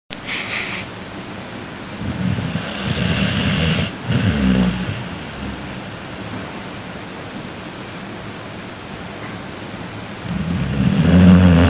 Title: is snoring